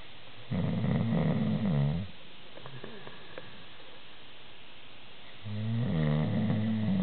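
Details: Loud, fluttering, rattling snores on two inhalations with a quiet gap between; heavy snoring from a person described as a super loud snorer.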